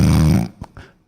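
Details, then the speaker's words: Adult man playfully imitates his own snoring, demonstrating a nasal-toned snore: a half-second low, buzzing nasal rumble followed by two brief soft snorts; imitated snoring, not real sleep. "이 소리는 비음이 좀 많이 들어갔어.. 이 소리는 흉성을 사용한 거야.. 이건 흉성 쓴 거고.. 비음이 많이 들어가면 이래.."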